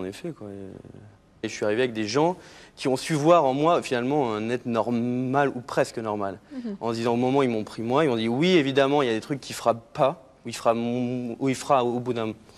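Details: Adult male talk-show guest who has a stutter; he says his identity formed around it and that it is better today; stuttering.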